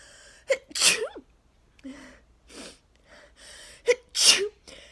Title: Thank my neighbors for cutting their grass today - sneeze fit plus nose blowing | 34 sneezes